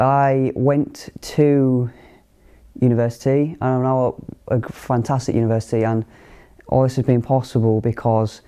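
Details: Young person who stammers and belongs to a stammering self-help group; stuttering (stammering).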